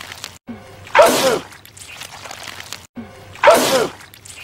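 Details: Cartoon character sneezing purple goo repeatedly, not a real recording: two loud, breathy sneeze-like bursts, each with a short intake before it.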